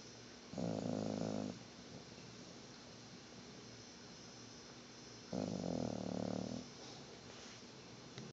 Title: Sugar bear snoring and farting!